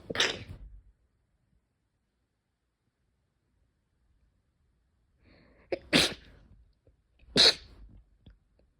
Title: sneeze 77